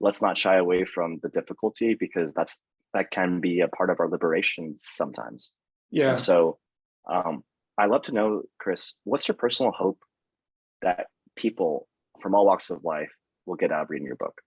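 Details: Adult male speaker; normal speech.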